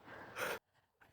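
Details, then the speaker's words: A single rough, snorting breath from a sleeping dog, then quiet and the start of another faint breath; snoring. "Sorry, I'm starting to smile because I can hear one of your beautiful dogs snoring. Oh, Pickles. Pickles. So if anyone can hear the snoring, it's that gorgeous little baby."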